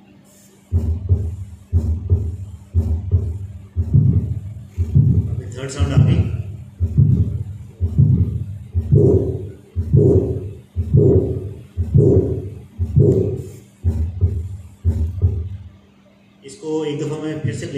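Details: Third heart sound.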